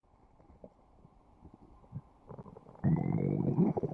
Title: Umbrella Stomach Growl